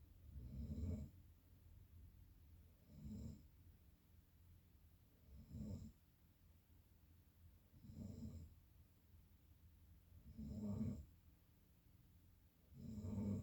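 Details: Six rattling low snores on inhalation during sleep, evenly spaced at about 24 breaths a minute, quiet between.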